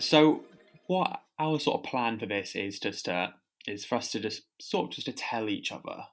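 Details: Adult podcast host who stammers, speaking about stammering at school; stammering.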